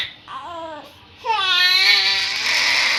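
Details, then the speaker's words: 18-day-old newborn crying: a short whimper, then a loud, rising, high-pitched wail; mother notes crying may mean tummy pain, hunger or wanting comfort; baby rarely cries and had hospital jaundice after birth. "এই কান্নার আড়ালে যে কত কথা লুকিয়ে আছে তা একমাত্র মাই বুঝতে পারে। কখনো পেট ব্যথা, কখনো ক্ষুধা, কখনো বা আদর পাওয়ার বায়না।"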